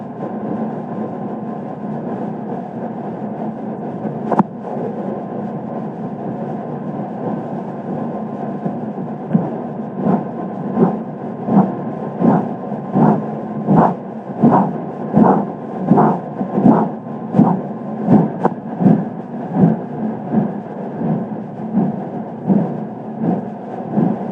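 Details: Korotkoff sounds recorded with a digital image sphygmomanometer in an elderly patient, possibly marked arteriosclerosis: steady hiss then regular pulse-synchronous thumps about 82/min during cuff deflation, audible down to 0 mmHg; BP 122/82/0 mmHg.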